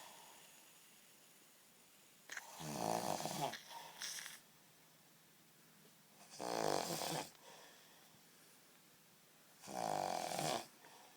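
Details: Snoring in a quiet room, a prank with shaving foam: three loud, rattling snores on the in-breaths, about one every four seconds, roughly 16 breaths a minute.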